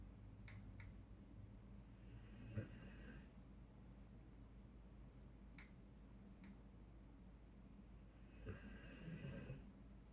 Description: Dog snores like human